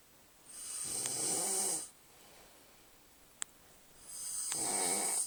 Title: My snoring husband. Payback time for all my lost hours of sleep!